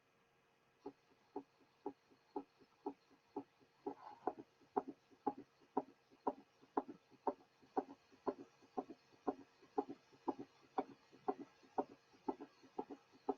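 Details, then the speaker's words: Teaching recording of a patient with congestive heart failure and a rapid heart rate; an added S3 gives the impression of three sounds per cardiac cycle: summation gallop. "The following example demonstrates an S3 in a patient manifesting congestive heart failure. Since the heart rate is rapid, one of the first compensatory mechanisms of failure, one has the impression that there are 3 sounds with each cardiac cycle."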